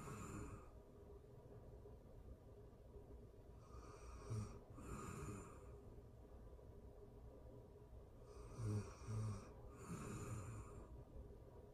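Soft snoring in a quiet room, with slow, uneven breaths and occasional low snorts during sleep.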